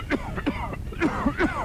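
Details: Acted run of about five short, harsh coughs in quick succession over a faint background hum, from a 1984 Australian TV advert for Benadryl cough medicine; repeated cough.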